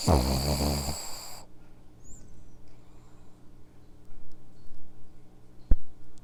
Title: Dog snoring mic